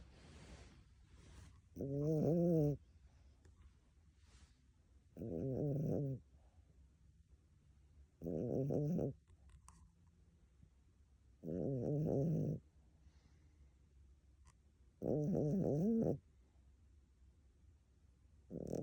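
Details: Sleeping cat: five loud, deep rumbling, rattling snores with quiet gaps, about 18 a minute, resembling human snoring; snoring.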